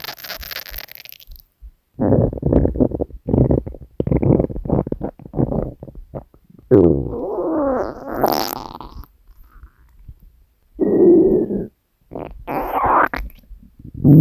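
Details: Hunger stomach growling from a compilation of three years of recordings: loud gurgling, rumbling and squeaky growls in irregular bursts; borborygmi.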